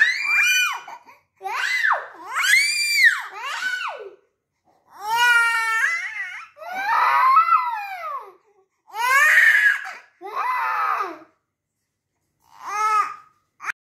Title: cute baby masti and crying 25 may 2023 😢#subscribe #like